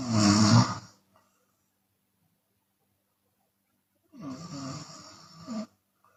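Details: Loud, harsh open-mouth snore from a sleeping Chinese woman, exhaling at times, then a pause and a longer rattling snore; steady snoring.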